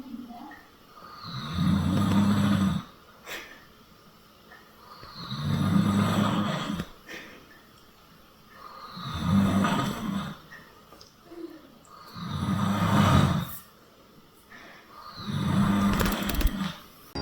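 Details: Loud, deep, rattling snores of an elderly man (grandfather) during sleep, about 18 breaths a minute, regular with quiet pauses between; snoring.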